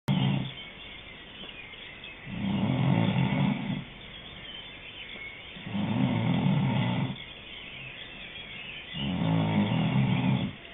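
Loud, low, rattling snores come in long pulls about every three and a half seconds, with quiet breathing between them.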